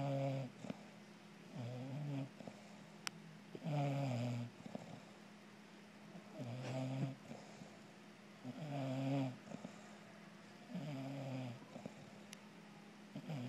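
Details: Robin, a female bulldog cuddling with her owner, snoring rhythmically, about five low rattling snores with whistly tones in thirteen seconds, in a quiet room; snoring.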